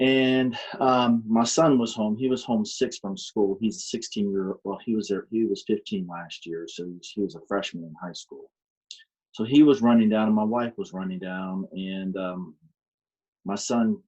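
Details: Adult man with aphasia caused by a stroke in March 2019, still attending aphasia programs: aphasia.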